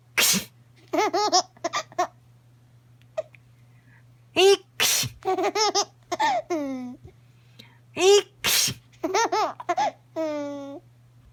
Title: 【赤ちゃん】くしゃみ【成長記録】